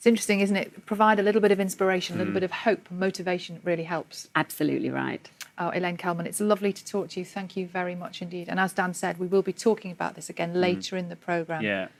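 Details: Adult presenter speaking; no speech disorder.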